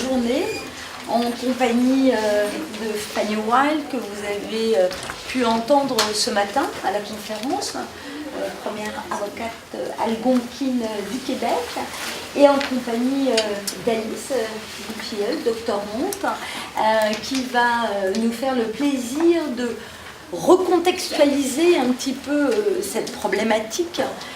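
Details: Adult woman speaking French; Normal speech.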